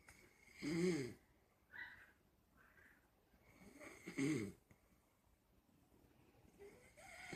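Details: Man snoring while passed out asleep: two loud, rough breathing noises a few seconds apart with quieter sounds between; snoring.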